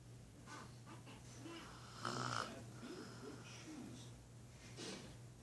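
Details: Adult woman snoring in sleep: rough, rattling breaths against steady room hum, with one louder snorting snore; ordinary snoring.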